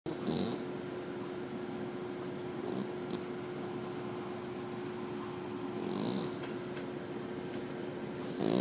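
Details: Soft, slow snoring breaths over steady room noise with a faint hum, from a sleeping pet; snoring.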